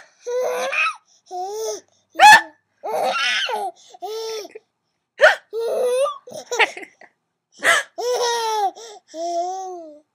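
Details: Hiccups: sharp, sudden vocal jerks at about 2.3, 5.2 and 7.7 seconds interrupting bouts of a child's giggling laughter.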